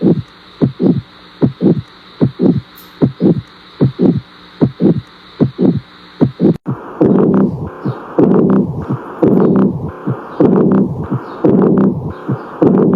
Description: Auscultation Sounds for Heart Murmurs 🫀👩🏻⚕️